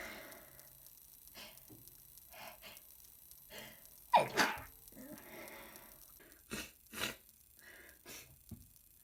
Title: Super messy sick sneezes